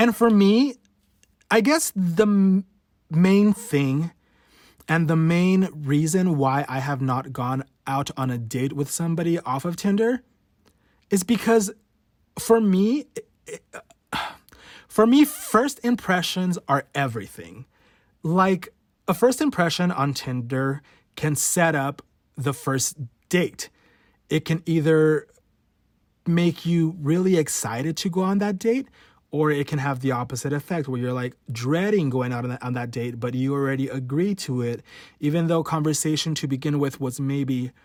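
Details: Adult male with stuttering since about age 5–6, worse since his teens; real, unedited stutter: stuttering.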